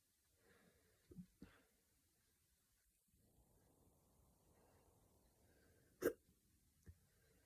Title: Strong Hiccups